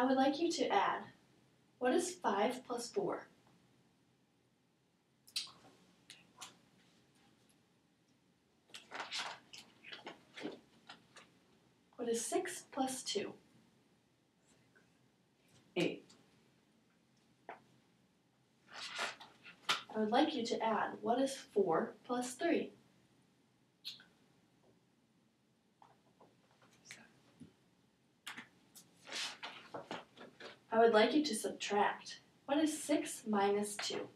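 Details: Adult speaker in a small room; normal speech.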